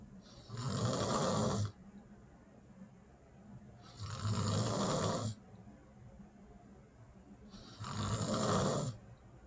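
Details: Woman asleep at night: three loud, rough snores on the in-breath, about 17 a minute, with quiet out-breaths between; ordinary snoring during sleep.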